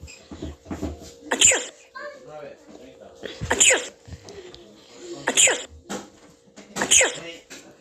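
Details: Run of four sharp, hissing sneeze bursts about two seconds apart, each preceded by a quick intake, over a steady hum; repeated sneezing.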